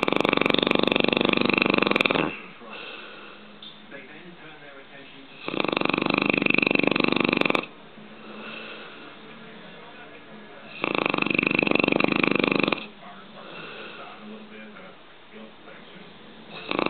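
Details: Two people snoring at night: long, loud, harsh snores every five seconds or so with softer snoring between them, about 12 breaths a minute, heavy snoring during sleep.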